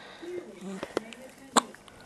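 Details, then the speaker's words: 7-day-old infant hiccups, attributed to too much breast milk: brief sharp catches with one louder jerky burst over faint baby noises. "Little hiccup monster."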